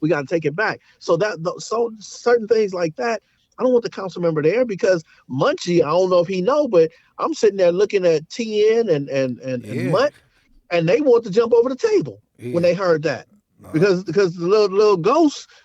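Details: Stuttering in a man who says he now stutters and pauses, his voice cracking and stopping, which he links to possible PTSD after a severe hand injury.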